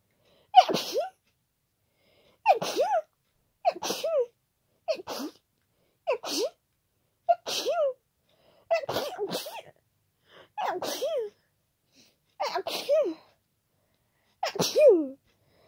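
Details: Person with a cold: ten loud, forceful, very wet sneezes in a row, about one every one to two seconds, unstifled, in a quiet room.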